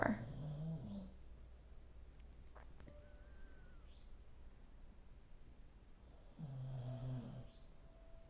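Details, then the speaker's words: Two low, buzzing snores about six seconds apart, with quiet room noise between, from a sleeping senior dog nearly 14 years old lying on a mat during a yoga class; ordinary snoring. "He has a little mat set up in this room that you can't see on camera, but some of you might be hearing him snoring."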